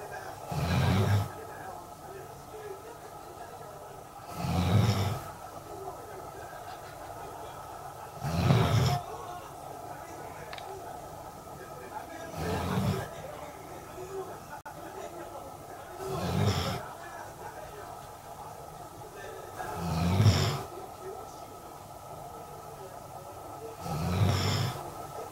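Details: Loud snoring recorded on January 4, 2022, after a late night out: regular low rumbling snores about every four seconds, roughly 15 breaths a minute, over steady room hum. Snoring.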